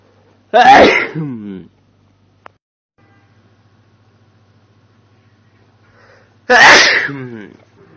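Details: Adult male: two loud, powerful voiced sneezes separated by quiet; ordinary forceful sneezing.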